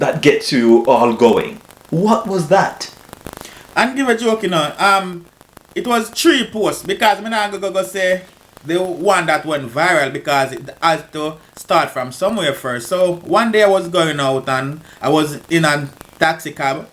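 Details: Stuttering (stammering) in an adult Jamaican-born man who says he stammers and sometimes stutters while speaking.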